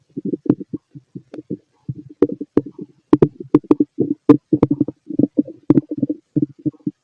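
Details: Fit male's abdomen heard through a stethoscope while he digests pastry, chicken, curry, bread, milk, eggs and pasta; rapid, irregular gurgles and clicks: active bowel sounds.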